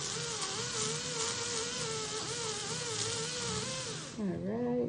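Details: Steady wavering whine of a slow-speed dental drill removing remaining decay from cavities around old fillings at the gumline, after high-speed drilling, with much vibration; pitch changes as it slows; slow-speed dental drill.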